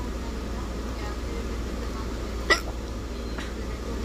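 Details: Single short, sharp hiccup over low room hum with a fainter one after.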